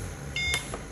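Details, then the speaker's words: Oxygen concentrator power-on beep: short high electronic beep over faint room hum as an Oxy-med 2 kg pulse-mode portable oxygen concentrator is switched on while charging on AC; a no-breath alarm follows since no cannula is connected. "so we have switched on. You can see the symbol of power here. It means the battery is getting charged, but still there is an alarm which indicates there is an absence of breath."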